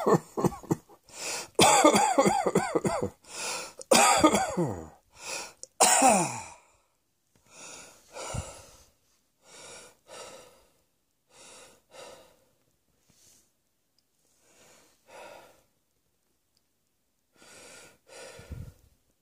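Repeated coughing from an adult: loud harsh bursts at first, then softer, shorter coughs with pauses.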